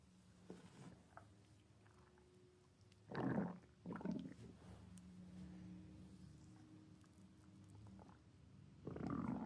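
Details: Stomach growling (borborygmi) in a female: quiet low gurgles and drawn-out rumbling bursts over a soft hum.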